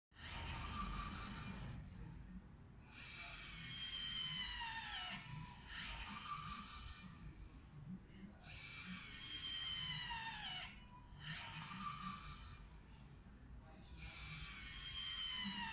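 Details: Mechanical ventilator operating: rhythmic hissing air bursts with falling whine tones, cycling about 11 breaths a minute.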